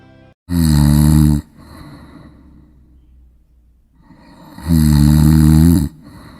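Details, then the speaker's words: Two loud, harsh rattling snores separated by a few seconds of quiet, presented as an example of sleep apnea, a disorder with pauses in breathing during sleep; heavy snoring. "Now, this, ladies and gentlemen, is an example of sleep apnea. Sleep apnea is a generic term that includes any disorder that causes pauses in breathing during sleep."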